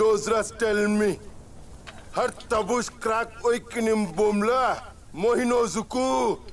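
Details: Receptive (Wernicke's) aphasia shown as an example of secondary auditory cortex damage: the person can hear but cannot understand language, with jargon-like, hard-to-understand speech.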